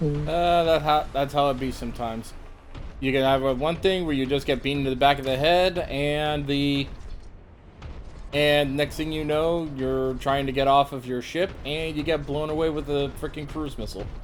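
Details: Adult male speaker; normal speech.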